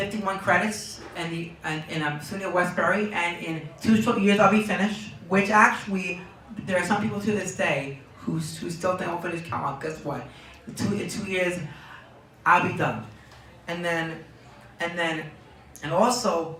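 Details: Young man diagnosed with Tourette syndrome at age four, who reports twitching and tics, with word and phrase repetitions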